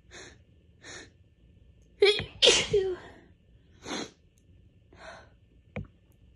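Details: Person with bad allergies this week, fit caught just before bed: quick catching in-breaths build up to two forceful sneezes close together, then more sniffing breaths. Allergy sneezing fit.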